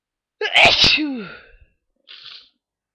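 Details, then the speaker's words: Morning sneezing fit: a single loud sneeze with an explosive 'achoo' and falling voiced tail, then a brief breathy sniff or exhale; eyes watering. "Oh, I'm so. I was just so sneezy this morning, and I thought I'd try to give you a few."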